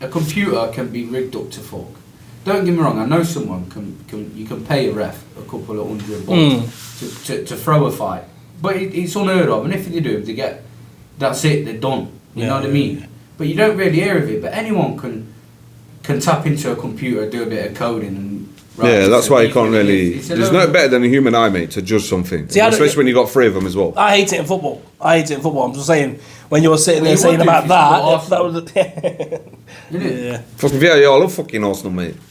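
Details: Man who says he stutters, reading a story aloud with word repetitions; stuttering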